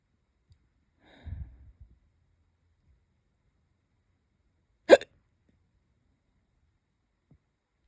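Two brief, sharp hiccup sounds several seconds apart in a quiet room, the first soft and low, the second a quick clipped hic.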